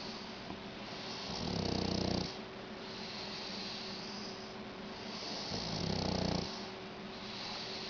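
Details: Shar pei snoring: two long, loud, rattling snores on the in-breath about four seconds apart, roughly 15 breaths per minute, over steady room noise.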